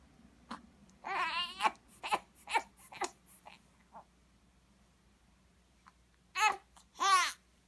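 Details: Baby crying while apparently straining to poop, then succeeding, then crying again: short strained cries and fussing bursts separated by pauses, with two louder cries at the end.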